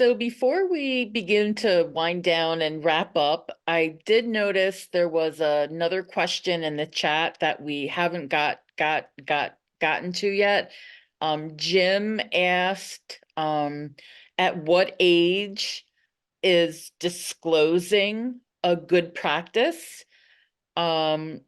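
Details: Adult panelist who stutters, speaking at a stuttering association session, with audible repetitions such as 'dis disclose' and 'come come come'; stuttering.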